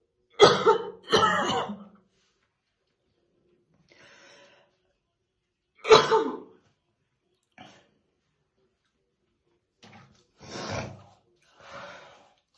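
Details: Woman's real, unacted heavy smoker's morning cough: deep, heavy coughs in short bursts with quieter breaths and throat clearing between, while she slowly brushes her hair; smoker's cough.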